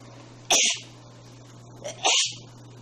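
Two sharp, hissing sneezes about 1.5 seconds apart over a steady background hum; ordinary sneezes.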